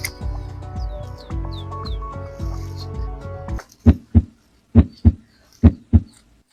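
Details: Normal heart sounds in a veterinary auscultation practice, three clear lub-dub pairs at about 70 a minute after piano music; described as equine, though nearby talk describes bovine auscultation at left 3rd–5th intercostal spaces beside the olecranon.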